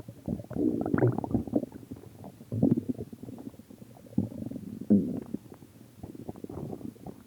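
Low gurgling, rumbling bursts come and go over several seconds: ordinary stomach growling from gas and fluid moving through the gut.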